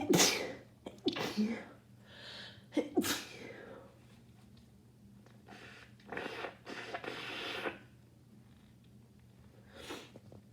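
Several rapid sneezes in a burst, then sniffing and nose blowing; repeated sneezing with a cold.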